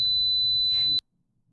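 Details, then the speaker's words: Simulated tinnitus: steady, piercing high-pitched pure tone about one second, illustrating high-frequency tinnitus from noise-induced hearing loss (4 kHz dip), e.g. from earphone use. "이거는 이제 4km가 떨어졌을 때 소음성 난청인 경우가 있거든요 그래서 요즘에 이어폰을 많이 들으시는데 그것 때문에 청각이 손상이 되게 되면 요것 때문에 이명 이런 주파수 명이 많이 생기실 수 있으세요"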